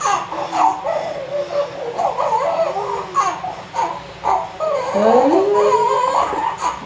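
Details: Newborn baby boy's vigorous, repeated first cries just after a natural vaginal delivery, with voices in the background; a strong first cry.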